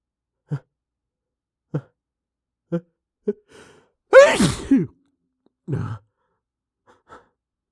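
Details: A bout of repeated sneezing from a male failing to hold them back: four short stifled sneezes, then one loud full sneeze and another strong one, with a faint last puff in a quiet room.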